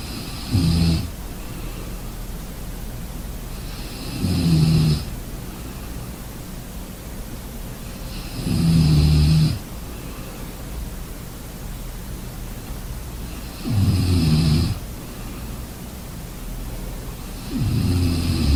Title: Sleeping sounds snoring